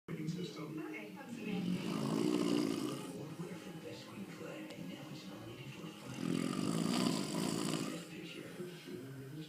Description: He claims that he doesn't snore!